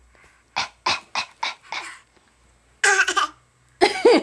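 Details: A young child, asked to do a fake cough, gives five quick forced coughs in a row, then two short voiced sounds; voluntary imitated cough.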